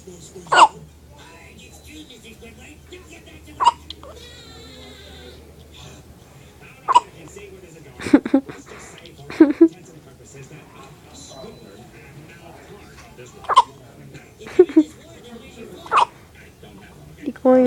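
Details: Baby with hiccups: brief, sharp hiccups recurring every few seconds, about nine in all, with quiet room noise in the gaps.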